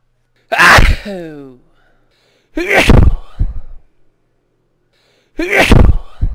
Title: Powerful Sneezes